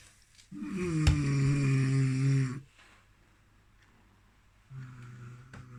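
A loud, low, rattling snore on one breath in, a quiet pause, then the start of a second snore.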